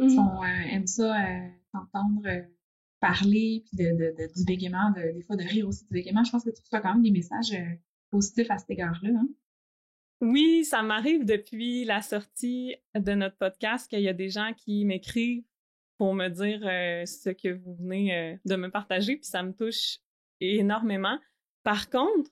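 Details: Adult woman who stutters and also has ADHD, and has had speech-language therapy; stuttering.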